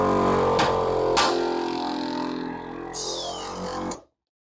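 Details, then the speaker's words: Home suction machine with a blue-lid, internal-filter canister, patient tubing end covered, being seal-tested. Steady droning motor hum with two sharp pops, then shutoff. The two pops indicate a good seal and optimal suction pressure. "those two pops indicate that you have a good seal and your suction pressures will be optimal"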